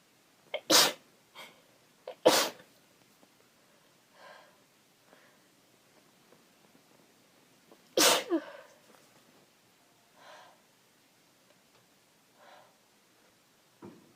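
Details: Cold-weather sneezing in a female adult: three sharp, explosive sneezes with softer sniffles in between.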